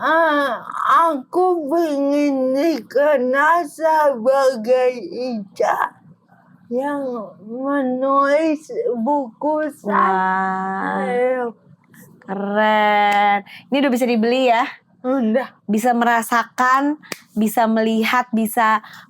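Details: Young adult woman with cerebral palsy limiting gross and fine motor skills; dysarthria (cerebral palsy).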